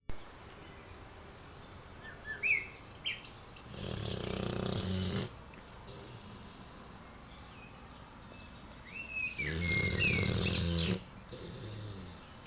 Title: Ares, the snoring boxer